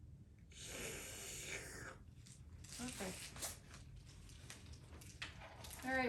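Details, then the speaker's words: Student nurse's simulated tracheostomy-care skills exam: steady airy hiss of a suction machine briefly run to verify it works before suctioning, then handling noise and a short voice sound. "okay I'm going to verify that the section is working"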